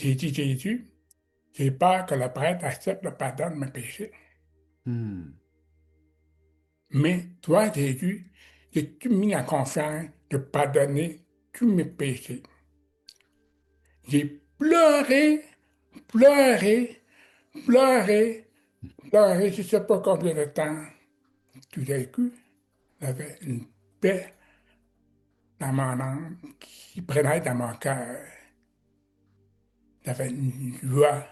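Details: Adult man with severe-to-profound deafness who learned oral speech, speaking French; deaf speech.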